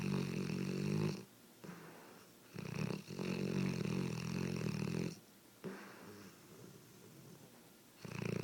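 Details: Loud, buzzing, rattling snores on each breath in, separated by softer breaths out; ordinary snoring.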